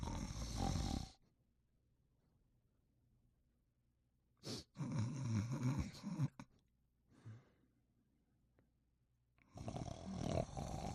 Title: Thunderbolt Sleeping & Snoring